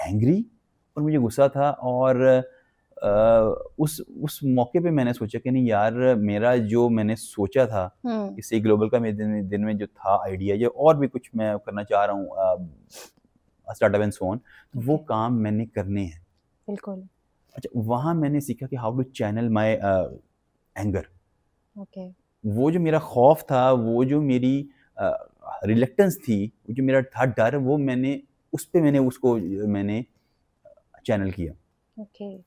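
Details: Adult male who has stammered since childhood; learned in college it was stammering and that speech therapists treat it; stuttering.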